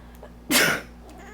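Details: One short, forceful, hissing sneeze burst in a quiet room from a person allergic to their cat, sneezing with the cat nearby; a sneeze.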